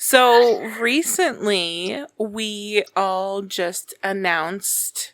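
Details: Adult woman speaking; normal speech.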